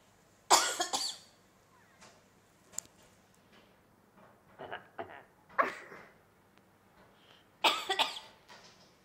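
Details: Sleeping cat making meowy sounds in response to hearing its human owners coughing.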